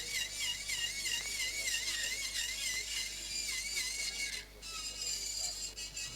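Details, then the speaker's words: Temporal bone dissection demonstration during posterior tympanotomy and canal wall down mastoidectomy, with fast removal of bone where there is no important structure. Continuous high-pitched drill whine with wavering pitch as it bites into bone, briefly easing off. "Now some of this bone you can remove fast. Because there is no important structure here."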